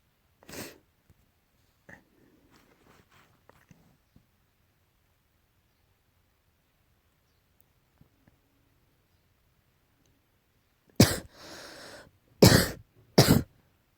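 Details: Cat coughing, tagged as allergy: a few short, sharp, forceful bursts close together after a quiet stretch.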